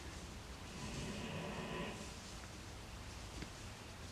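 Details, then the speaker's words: Adult pet dog sleeping comfortably beside owner: a single faint low rumbling snore about a second long against quiet room noise; snoring. "my little puppy Scout she's not really a puppy anymore but she is snoring comfortably next to me so if you can hear that little puppy snore that is that is what that is"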